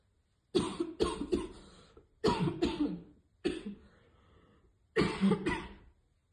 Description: Girl trying to hit vape but always fail and choke on it which cause hard coughing